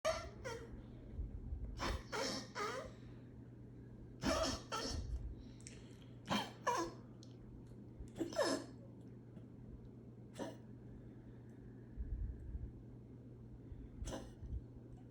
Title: 14 year old Chihuahua with enlarged heart and chronic cough